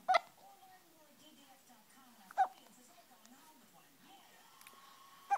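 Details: Three brief, sharp hiccup catches from a baby boy over about five seconds, with soft vocal sounds between them; ordinary infant hiccups.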